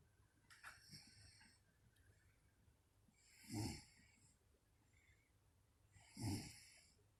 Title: Mommy snoring 2